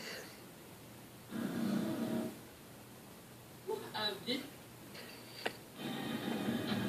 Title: Chance snoring!!! :)